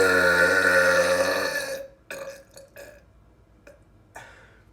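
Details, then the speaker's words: Burping after drinking soda: one long, loud, rumbling burp followed by several shorter trailing belches; burping. "It's here, and today we're going to be burping with soda."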